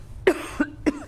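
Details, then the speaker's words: Three short, sharp coughs from an adult in a quiet room, about a third of a second apart. "sorry about your cough I hope you're doing okay it hasn't done that all day"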